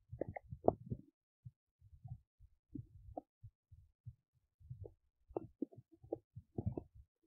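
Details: An adult belly while digesting oats makes irregular low gurgles, squelches and rumbles in uneven clusters with brief quiet gaps, which are active bowel sounds (stomach rumbling) of normal digestion.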